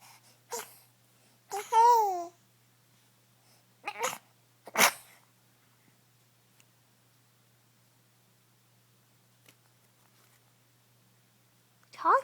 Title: Baby girl's cute sneezes